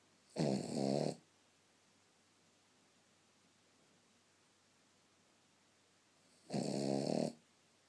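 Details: Cavvie puppy snoring while asleep: two buzzing, fluttering snores about six seconds apart in a quiet room.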